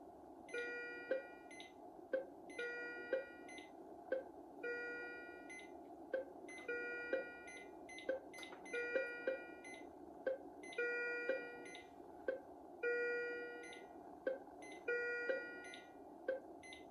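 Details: Philips IntelliVue MP30 patient monitor alarm with ISO and traditional alarm tones, rhythm generated by an ECG simulator, with ZOLL E Series defibrillator intervention: repeating melodic alarm tone groups with short beeps about every two seconds.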